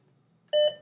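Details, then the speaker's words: One short mid-pitched beep in a quiet room as a Philips HeartStart OnSite/Home AED starts its automatic self-test after the battery is reinserted and the flashing orange button is pressed; the test runs about 1–1.5 minutes. "testing it'll do this testing testing testing testing for about one or one and a half minutes"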